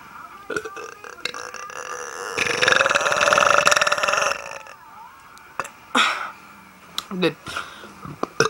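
One long, loud, rumbling burp lasts about two seconds, followed by shorter burps and some talking nearby. Ordinary belching.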